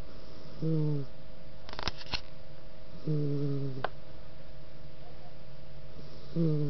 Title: Ace Snoring